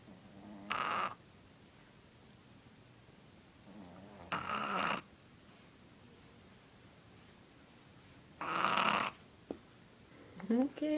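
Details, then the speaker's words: Loud snorer: three rough, buzzy snores about four seconds apart, quiet between them, brief squeak near the end. "You're snoring. You're snoring. What are you doing? You were snoring."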